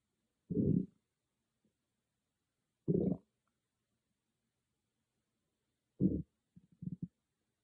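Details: Stomach growling recorded with an iPhone microphone: short, low gurgling growls from the belly, three single rumbles then a quick burst of small gurgles in near silence; normal bowel sounds (borborygmi).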